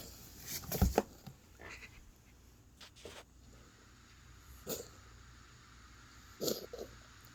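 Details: Pet animal coughing in a small room: several short, breathy cough bursts, some in quick pairs, separated by quiet pauses.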